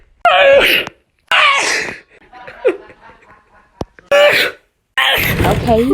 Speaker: It's Christmas Eve and I'm having a total sneezing attack.